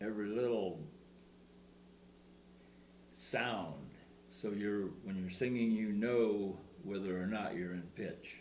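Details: Stuttering in an adult man, shown in a demonstration of the SingRite device.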